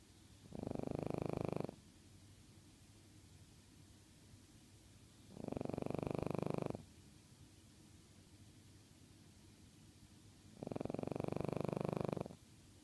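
Three slow, steady rough breaths in a quiet room, about 14 a minute, each a soft rattling snore; ordinary snoring in a sleeping cat.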